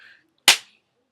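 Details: Senior with diagnosed Tourette syndrome, including vocal tics, talking: a single sudden sharp hissing burst breaking off speech, a vocal tic.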